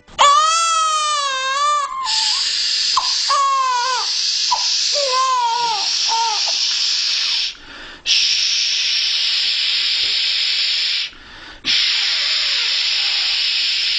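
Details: Newborn calmed with the 5 S's; after swaddling and side positioning were not enough, shushing is added: crying and fussing in short wails gives way to steady, loud shushing white noise.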